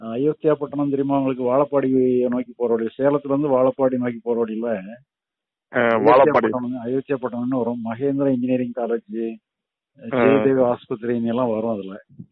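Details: Adult man speaking Tamil over a phone-like line; normal fluent speech.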